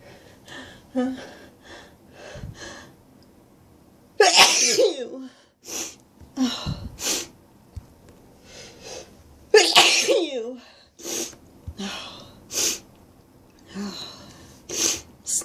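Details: Two forceful sneezes, each preceded by breathy build-up inhalations, with brief vocal sounds between; ordinary sneezing in a quiet room.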